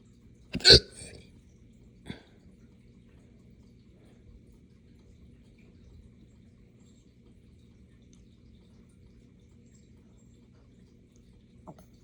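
Two sharp hiccup-like bursts, the first loud with a belching quality, then a faint third near the end, over steady hum; hiccup burps.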